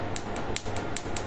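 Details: Sharp snapping clicks about five times a second over a low room hum, the pulsing of a laser tattoo removal device during treatment.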